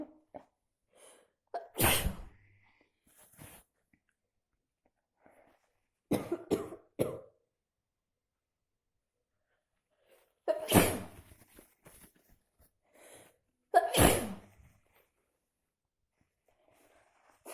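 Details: Repeated forceful sneezes in bursts with quiet gaps and sniffing between them, from an adult with a cold who started sneezing heavily overnight after a night in a cold pool.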